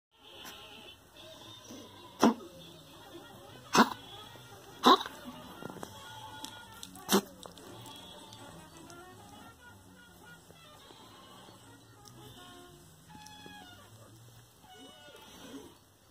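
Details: Pet dog: four sharp, harsh coughs ending in a retching gag, over soft music; apparently no hair in the mouth, owner wonders about aspiration or heart disease.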